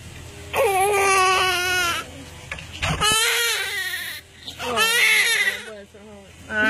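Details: Three loud, high-pitched wailing cries from a newborn girl right after birth, placed on her mother after only 10 minutes of pushing, with quiet breaths between; a strong, normal first cry.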